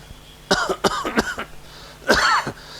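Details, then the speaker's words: Adult lecturer imitates a dry, harsh, rasping cough in short bursts, like a saw moved through a pine board, described as coming after midnight, after talking and after eating: dry cough. "So the typical symptom here is that as if a saw is moved in a pine board. This is the sound of the cough which comes. Dry sound after midnight, after talking, after eating."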